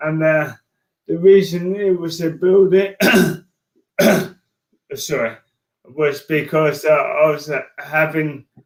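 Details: Adult man with motor neurone disease diagnosed in January 2018; speech changes were an early sign of the disease; dysarthria.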